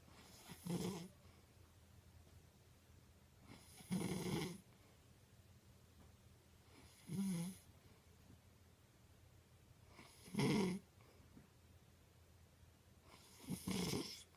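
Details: Sleeping mother snoring: regular snores, about five in 14 seconds with quiet pauses between, roughly 18 breaths a minute; ordinary snoring during sleep.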